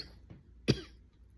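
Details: Single short forceful cough after a faint throat sound, from a sick adult with a raspy voice who says many people have the same cough, while talking.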